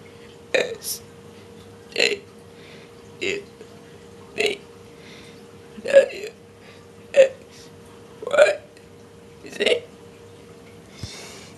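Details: Girl voluntarily burping the alphabet: nine deliberate voiced burps in a steady rhythm, each shaped like a spoken letter; voluntary belching.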